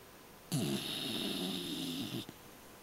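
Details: Single drawn-out snore with low fluttering rumble and hissing airflow, nearly two seconds, from a sleeping, dreaming dog; snoring.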